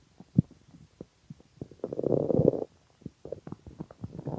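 Gurgling, bubbling clicks and a longer low growl from the belly; ordinary hunger stomach rumbling.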